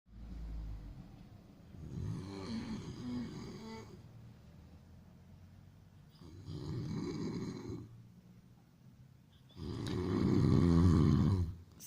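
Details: Loud, rough, rattling snores on each in-breath with quiet pauses between, about five breaths a minute, from a sleeping man; ordinary snoring.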